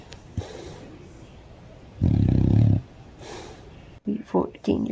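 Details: Senior dog resting and snoring: a loud, low, fluttering snore on one breath with quieter breathing and brief voices in the background; snoring.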